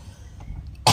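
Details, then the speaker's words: Faint throat noise, then one short, sharp cough burst from an adult who says she also has a cough, while treating her cat's flu; a single cough. "Maaf aku batuk ya sayang. Maaf aku lagi batuk juga."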